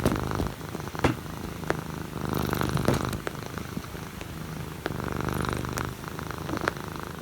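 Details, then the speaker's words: Pet cat snoring in a home video sent in by its owner. "well this isn't the only cat that we've been sent snoring this week"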